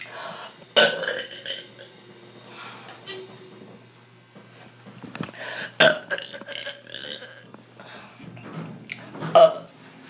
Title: Loud burping